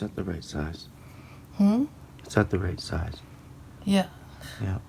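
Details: Adult male speaker; none.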